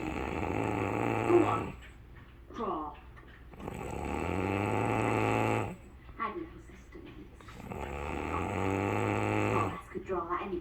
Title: My darling flower snores